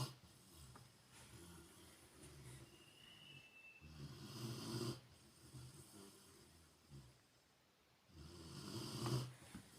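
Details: Soft, rough breathing noises at about 14 breaths a minute in a quiet room from a sleeping Rottweiler: dog snoring.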